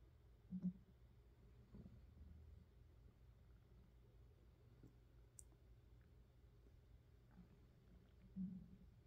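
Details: Stomach growling (borborygmi) from an adult woman's hungry, empty stomach recorded close to the belly for ASMR: low, muffled gurgles and rumbles with brief bursts over a quiet background.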